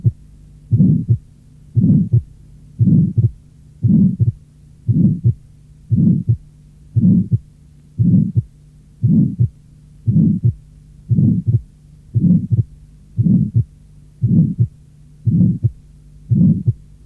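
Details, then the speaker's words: Heart sounds near 58/min with an innocent pulmonary ejection murmur, loudest at the left second intercostal space, as heard in many normal children: short, harsh, medium-pitched, early-to-mid systolic, ending before the second sound, with normal second-sound splitting. "Le souffle systolique fonctionnel maximal au deuxième espace intercostal gauche est un souffle d’éjection pulmonaire que l’on peut entendre chez de nombreux enfants normaux."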